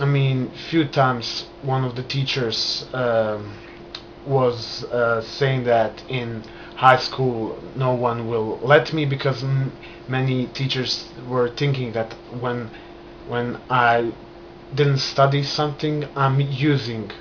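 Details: Adult man who has stammered since childhood, beginning after a trauma; he still stutters and controls it with hand movements and breathing; stuttering.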